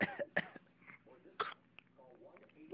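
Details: A young child described as a very cold baby with a bad cough: a few short, harsh cough bursts mixed with soft voice sounds and quiet room noise.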